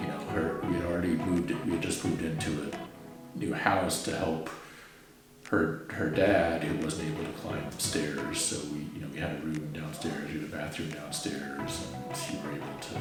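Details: Adult man speaking; ordinary speech.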